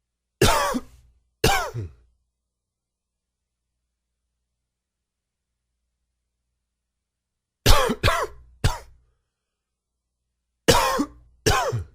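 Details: Dry, wheezy cough attributed to allergies: seven short, dry coughs in clusters of two, three and two, with a whistling, wheezy edge and quiet pauses between.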